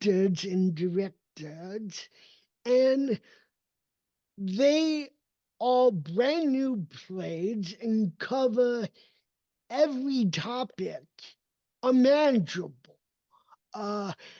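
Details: Adult male with cerebral palsy whose speech did not develop until age seven, after extensive speech therapy, and still needs ongoing training; real speech; dysarthria (cerebral palsy).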